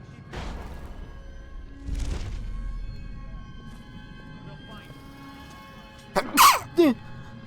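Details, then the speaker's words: Sneeze: a man, announcing he has to sneeze, gives one sudden explosive sneeze followed by a brief voiced sound, over quiet game music. "I have to sneeze."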